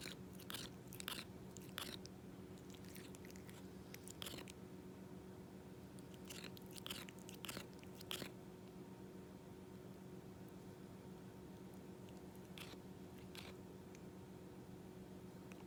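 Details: Scattered sharp crunching, grating clicks over quiet room hum; tooth grinding in a cat.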